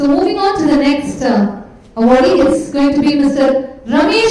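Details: Adult woman, event host; Normal voice.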